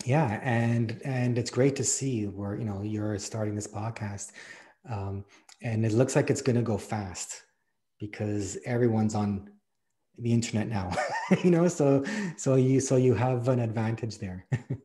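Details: Man who counts himself part of the stuttering community, speaking conversationally in an interview; stuttering.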